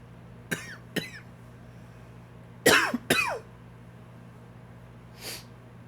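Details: An adult with flaring allergies has a dry, wheezy cough: four short, dry coughs in two pairs with a faint whistling edge.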